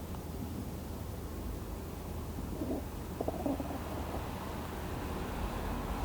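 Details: Stomach sounds during a nap after cycling 28 km, digesting lunch: low rumbling and gurgling from the abdomen over steady background noise; ordinary digestive bowel sounds.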